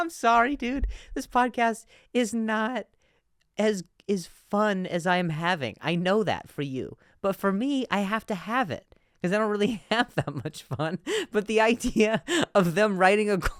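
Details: Stuttering in an adult male; he reports difficulty saying certain words on some days.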